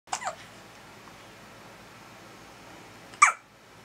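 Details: Two brief, sharp catching sounds about three seconds apart in a quiet room: hiccups.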